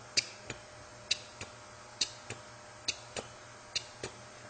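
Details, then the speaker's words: Simulated prosthetic heart sounds after mechanical mitral valve replacement: a sharp, metallic click on the first heart sound, about 67 beats a minute, imitated for MRCP PACES. "you will get this last thing that might give you are the prosthetic heart sounds where if you have uh the the first prostatic heart sound you might with the mitro valve replacement you will"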